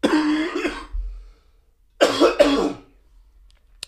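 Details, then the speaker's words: Adult with a prolonged illness, fever-free since an IV infusion, coughing so hard it feels like the lungs want to be ripped out: two harsh, forceful bursts, the second a double cough, in a quiet room; cough. "the coughs you hear the beautiful sound of the coughs as I'm recording this and they are as bad as they sound"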